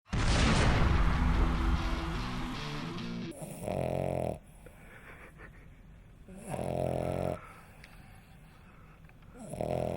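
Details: Puppy sleeping very heavily, snoring really loud: loud music at first, then repeated buzzing snores on the in-breath with quiet gaps between; snoring.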